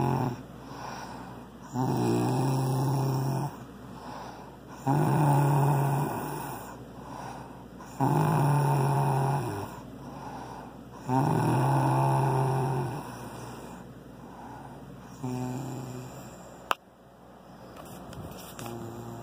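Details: Loud, rattling snores with a low buzzing tone, about 19 a minute, in a small room; ordinary snoring during sleep.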